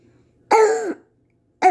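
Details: Child waking after a croupy night: harsh, barking cough with a hoarse, tonal ring; croup cough.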